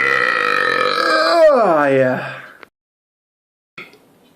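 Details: One long, loud, deep belch lasting over two seconds, sliding down in pitch as it ends; a burp.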